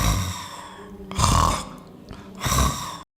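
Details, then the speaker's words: Loud, rough, low rattling bursts repeat about every second, with quieter breathing between them: snoring from vibration of relaxed throat tissues as air passes during sleep. "اهتزاز في الاجزاء التنفسيه ومرور الهواء عبر الانسجه المرتخيه في البلعوم يسبب اضطرابا في النوم محدثا صوتا"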